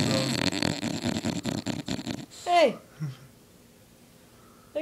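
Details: Overweight bulldog, asleep and tired after two weeks of hard play at boarding, gives a rapid series of loud, rough, rattling snores, then a voice calls to wake her and it goes quiet; bulldog snoring.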